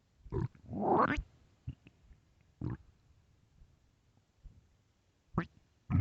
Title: late night stomach growls